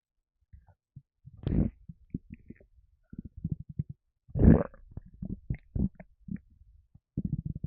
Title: Lemonade rumbles and burps